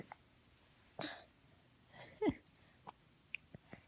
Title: December 13, 2016